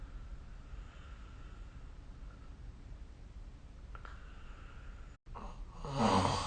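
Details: Snoring recorded with the SnoreLab app: several seconds of quiet room hiss, then one loud, rough, low-pitched snore near the end during sleep.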